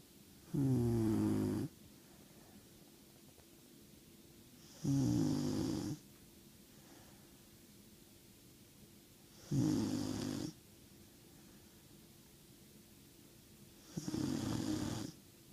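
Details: 16-week-old German Shorthaired Pointer puppy sleeping after a long day at the beach, with rhythmic rattling snores on each inhalation, about four in fifteen seconds, in a quiet room: ordinary snoring.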